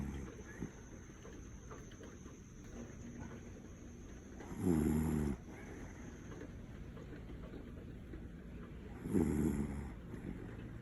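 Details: Female dog snoring in her sleep: two low, buzzing snores about four seconds apart over steady background noise.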